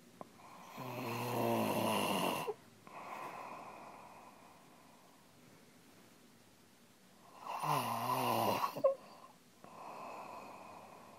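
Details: Adult man snoring in his sleep, recorded on a phone: two long, loud, rattling breaths drawn in, each followed by a quieter breath out.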